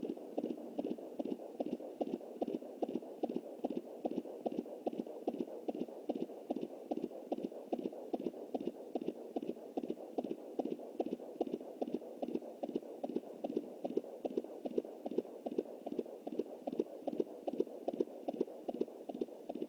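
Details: Fetal heartbeat at 20 weeks + 7 days on a Jumper home Doppler through an anterior placenta: rapid, regular whooshing beats at about 146 a minute, like a galloping horse.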